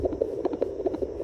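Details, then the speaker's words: Fetal heartbeat on Doppler during pregnancy, checked at home twice daily on doctor's advice; rate 148 per minute, baby active; earlier readings 130s–138. "नहीं 148 तो ये सही है। कितनी अच्छी heart beat है। एक्टिव है वहाँ पर भी।"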